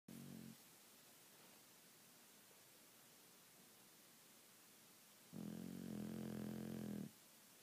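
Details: Sleeping Shar-Pei dog snoring: a brief rattle, then a long, rough, fluttering inhalation in a quiet room.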